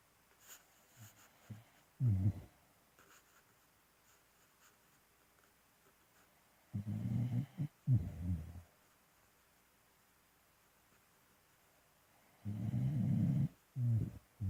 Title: People who snore smh